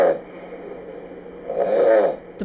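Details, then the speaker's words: A rough, rattling inspiratory snore following the tail of an earlier snore, with quiet room noise between, played in a sleep lab segment on snoring's health risks; snoring. "there's a problem in the world that's costing Americans billions and healthcare expenses it increases your chance of having congestive heart failure strokes and high blood pressure it even makes you six times more likely to have a car accident and it sounds like this"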